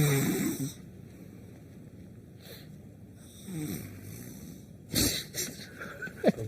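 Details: Vini, reality show contestant on a farm, sleeping: loud, rough open-mouth snores with rattling breaths on inhalation; ordinary heavy snoring.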